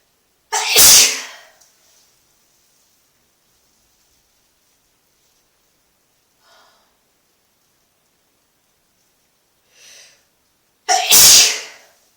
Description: Just a random video of me sneezing in the tub cause I felt like it ;)